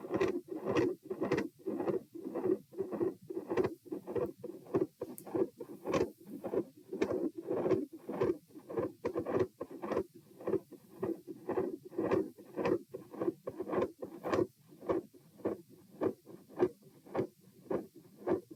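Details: Heart sounds recorded at position p while standing: regular beats near 105/min, each with a rough rushing machinery-like PDA-like murmur swelling and fading, phasic S2; ASD/PFO pattern not apparent, possibly L-R pressure.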